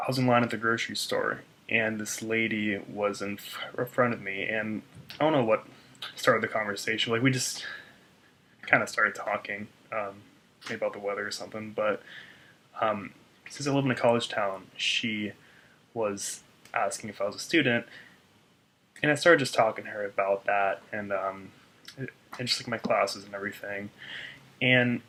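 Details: Stuttering in an adult man.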